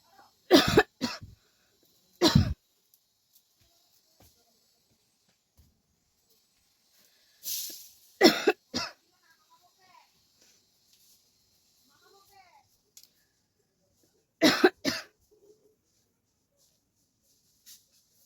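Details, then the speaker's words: Deliberate coughing-challenge performance in a hot room with the fan off: forced coughs in short clusters of two or three separated by quiet pauses; acted, not illness. "Guys खासी हो रहा है उसके साथ जो है मुझे पसीना भी बहुत आ रहा है आप लोग देख सकते हो"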